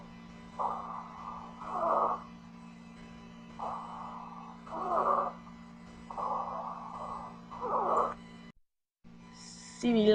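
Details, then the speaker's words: Teaching recording: three breath cycles with whistling, musical sounds on breathing in and louder on breathing out: polyphonic expiratory wheezes. "expira torias a no sibilancias polifónicas"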